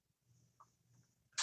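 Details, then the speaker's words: Faint, low rumbling gurgles with a brief squeaky bubble from a speaker who says they are always hungry; ordinary stomach growling from hunger (borborygmi). "y'all hear my stomach growling circle is always hungry I'm gonna fry me some potatoes or something"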